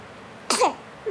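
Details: Infant girl about to go home: a single short, sharp sneeze followed by a small voiced sound.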